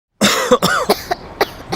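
An adult gives a quick run of harsh, voiced coughs in short bursts, acted for effect.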